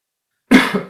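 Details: Single short, sharp cough breaking an otherwise silent recording.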